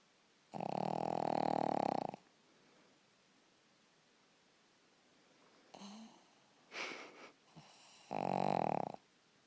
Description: Cute Sleeping Pugling Snoring Very Loudly!!!!